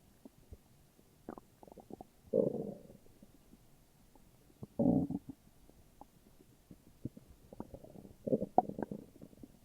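Low gurgling rumbles and scattered bubbling pops, in three louder bursts. Ordinary stomach growling.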